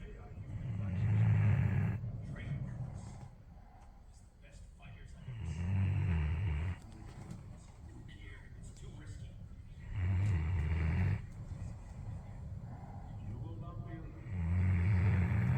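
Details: Sleeping Alabai (Central Asian Shepherd) dog: deep, rumbling snores, about four breaths in fifteen seconds, roughly 15 a minute, with faint background noise; snoring.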